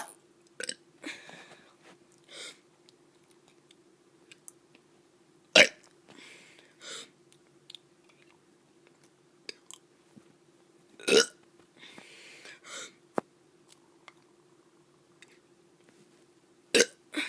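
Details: Child forcing out a few short, weak burps against a steady electrical hum.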